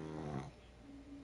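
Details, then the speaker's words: Brief low, buzzing snore-like rumble from a sleeping pug, followed by a faint steady background tone: snoring. "you could probably hear the pugs snoring yes"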